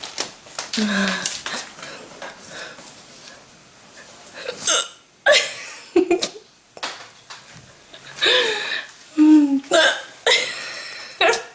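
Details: A young woman's persistent, loud, squeaky gulping hiccups every second or two, amid laughter and chatter in a small room; she calls them dramatic hiccups.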